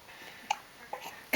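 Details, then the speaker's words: Baby boy sitting up with hiccups: three brief, sharp gulping clicks about 0.4 seconds apart while a parent talks to him. "don't let those hiccups distract you say hey daddy"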